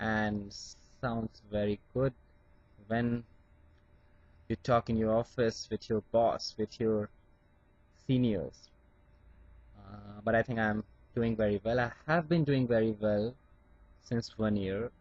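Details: Adult Indian man who still stammers, with blocks on certain words such as P words, speaking with acceptance of his stammer; stuttering.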